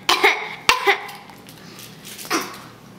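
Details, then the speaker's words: Two sharp coughs then a softer third: a child's deliberate, pretend cough while feigning illness to get a cough drop; not a real cough. "all better now no more coughing oh better dad the cough drop worked your cough's all gone yay"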